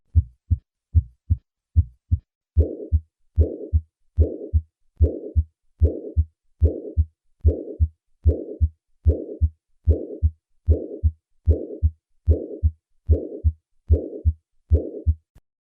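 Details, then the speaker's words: Acute mitral regurgitation: regular heartbeat about 74/min with a loud decrescendo systolic murmur after S1 that fades before S2 as left atrial and ventricular pressures equalize in late systole; decrescendo systolic murmur. "Another variant of mitral regurgitation is the decrescendo murmur of acute mitral regurgitation. As the pressures in the left atrium and ventricle equalize towards the end of systole, the intensity of this murmur decreases."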